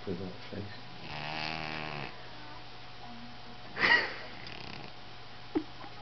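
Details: Recording of a female cat snoring louder than her usual: one loud, rattling inspiratory snore then a short snort over low room hum.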